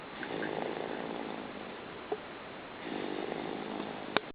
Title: Baby snores